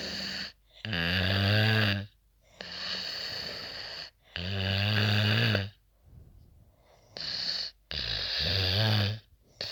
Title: loud damn snoring after tramadol